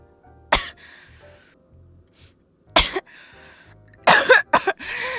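Five sharp, dry coughs from an adult, single ones then a quick run, over faint music.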